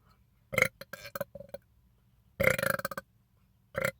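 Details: A man deliberately burping after drinking soda, with three loud, voiced, rumbling burps separated by silence; forced belching.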